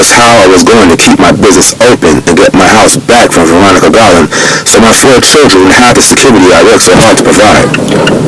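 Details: Adult man narrating; Normal adult speech.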